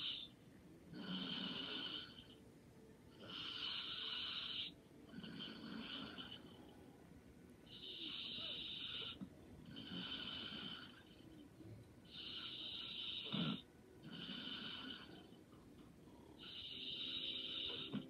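Steady rasping snores with each breath, about 7 to 8 a minute, alternating with quieter exhalations; light snoring.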